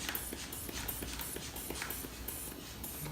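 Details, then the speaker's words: Blood pressure cuff on a male's arm rapidly pumped by squeezing the bulb until the radial pulse can no longer be felt, around 180 mmHg, before deflating; regular squeezing and puffing sounds. "And so we're going to pump him up all the way until I cannot feel his radial pulse anymore. So let's just pump my boy"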